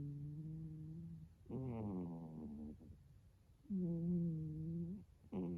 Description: Athena snoring funny as hell